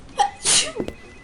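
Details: Acted sneeze, simulated: short intake, a loud hissing burst, then brief throat sounds, followed by "excuse me, sorry"; sneeze.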